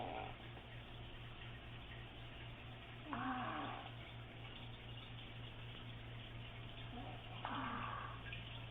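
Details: Adult woman (mother) snoring during sleep, sleep apnea questioned: two brief snorting snores about four seconds apart over steady hum and room noise.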